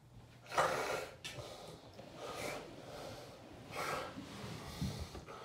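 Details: Adult man during a full generalized tonic-clonic (grand mal) seizure preceded by a déjà vu aura, recovery drug missed: noisy, irregular stertorous snorting and gasping with effortful inhalations, being kept on his side.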